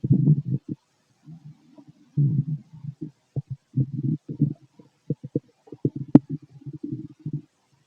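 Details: Male stomach noises while digesting food: irregular gurgles, squelches and low rumbling bursts, normal bowel sounds (borborygmi).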